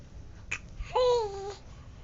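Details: Baby girl sneezing: a sharp little burst of air, then a brief high-voiced squeal; a single infant sneeze.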